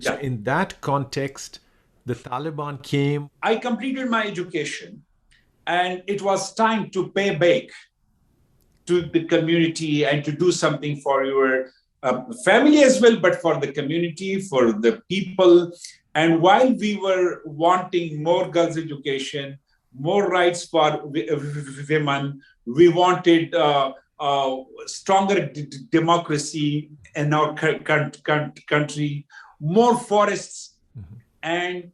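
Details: Adult man with stuttering since childhood, varying in severity from day to day.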